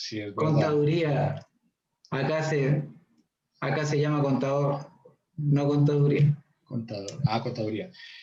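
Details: 41-year-old man who has stuttered since at least his early twenties; stuttering.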